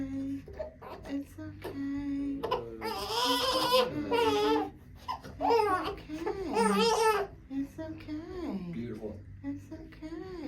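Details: Baby boy's first chiropractic adjustment, after a 45-minute delivery: loud rising and falling bursts of crying while an adult soothes him softly in a small room.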